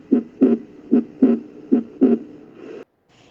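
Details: Regular paired lub-dub heart sounds at about 75 beats per minute, with no extra sounds or murmur, played during a cardiac auscultation focus sequence: normal heart sounds.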